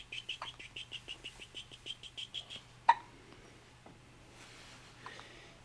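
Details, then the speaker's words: Infant with hiccups before tummy time: quick run of small rhythmic hiccup sounds, about three per second, then quiet room noise; ordinary infant hiccups. "do you have hiccups do you have hiccups hi bud I do you have the hiccups yep hiccup hiccup"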